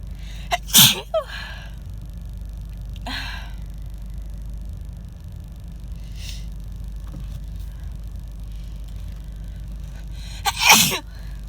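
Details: Adult with a cold moving to the chest, sneezing in a car: two loud, harsh sneezes that hurt the throat, with quieter breathy sounds between them.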